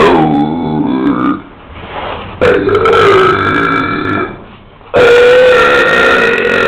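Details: Deliberate burping in the street: three loud, prolonged, deep-voiced belches, each over a second long, with brief pauses between.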